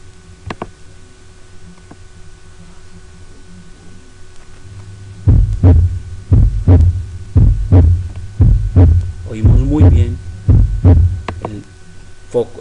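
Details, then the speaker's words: Normal heart sounds in a cardiovascular auscultation teaching demo: regular low first and second sounds, tum-ta rhythm, about 58 beats per minute, heard at the aortic focus. "Pues, recuerden esta onomatopeelle. Tum tumta tumta tum ta. El tum, tum es el primer ruido"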